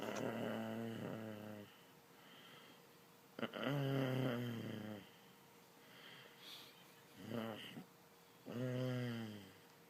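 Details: Mother snoring in sleep while being asked questions: loud, rattling snores at a regular pace, about four breaths over ten seconds.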